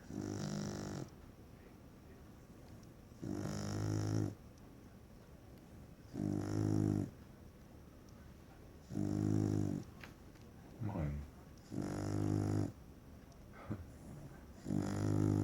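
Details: A Beagle that is not asleep, with its eyes wide open, snores loudly and rhythmically with rough, rattling breaths at about 20 per minute; snoring.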